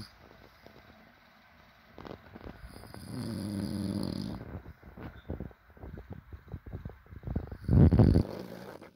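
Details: Snoring from a sleeping adult: two loud, low, rattling snores, one long and one shorter and harsh, with quiet room noise between.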